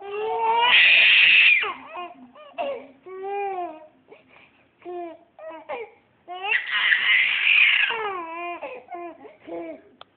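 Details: Twins crying an hour after being put to bed: loud, high-pitched infant crying in long wails with broken whimpers between, ordinary crying.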